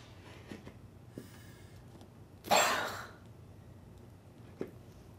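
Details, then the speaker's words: Self-performed lung volume recruitment maneuver with a cough assist bagger via mouthpiece and one-way valve: quiet valve clicks and stacked breaths, then one strong forced cough-like exhalation; assisted cough. "in the next demonstration is going to do the maneuver herself if your client has the dexterity um and the strength in their hands they can perform this maneuver themselves"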